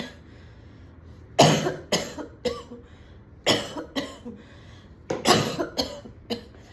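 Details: An adult woman coughing at home after smoking a cigarette with friends at a party: repeated coughs with throat clearing and snorts.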